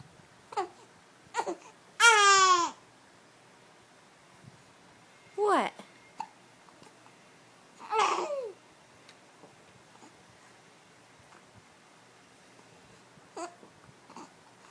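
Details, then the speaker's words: Baby getting mad at her hiccups: several brief, abrupt, irregularly spaced vocal catches with one short squeal in a quiet room. "You got the hiccups? You got the hiccups?"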